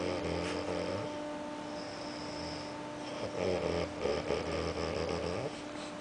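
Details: Low rumbling snores repeating against a steady background hum and an outdoor whining noise, from a sleeping man; snoring.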